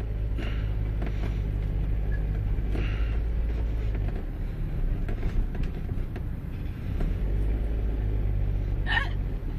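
Several brief, abrupt catches of breath recur at irregular intervals over steady car engine and road rumble, consistent with repeated hiccups.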